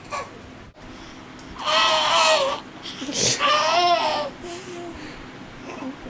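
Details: Baby girl making a new repeated noise all morning, which woke her parent: two loud, drawn-out squealing sounds made while inhaling; parent thinks it is playful vocal expression; normal infant vocal play.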